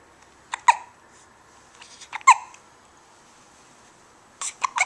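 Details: Young child on a couch who hiccups often whenever awake: three sharp, brief hiccup bursts in about five seconds in a quiet room.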